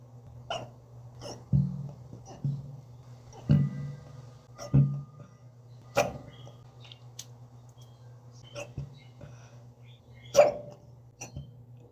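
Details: Hiccups, possibly in a cat, within a clip that also has vomiting, burps and coughs: short, abrupt, jerky sounds recurring irregularly over several seconds in a quiet room.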